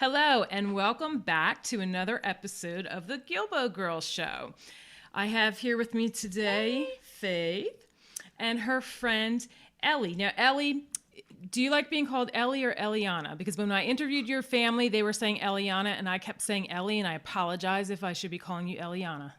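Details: Adult woman speaking; typical speech.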